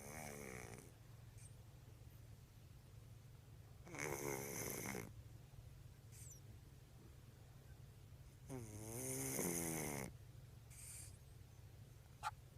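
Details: Sleeping cat snoring as loudly as the father: loud, rattling snores on each breath in, separated by quiet pauses, with steady low room hum.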